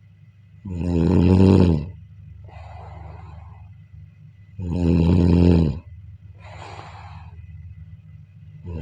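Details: Loud, rough, low snores on each in-breath with quieter out-breaths between, about 15 breaths a minute, recorded during sleep: ordinary snoring.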